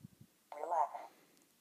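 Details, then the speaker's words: A few soft taps, then a brief synthesized voice prompt telling the user to relax, from a reciprocal EMG-triggered stimulation unit on the forearm flexors; stimulation follows once activity drops below threshold. "of a device will then tell me to relax come as i drop in eastie then the stimulation will come in"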